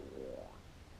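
A low, gurgling rumble rises into a brief squeaky tone, then fades: a loud stomach rumble, ordinary bowel gurgling.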